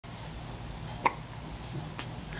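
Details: A child with hiccups: a single sharp, brief hiccup rising from quiet room noise, then a fainter second one about a second later.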